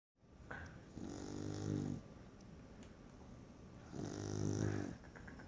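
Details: Beagle snoring with eyes wide open, not sleeping: two loud, rattling snores on the in-breath, about three seconds apart.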